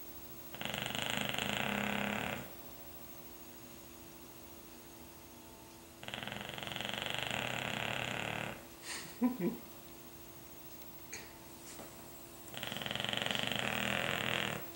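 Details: An English Bulldog perched on pillows on a sofa, snoring like an old man: three long, rough, rumbling snores about six seconds apart, roughly ten a minute.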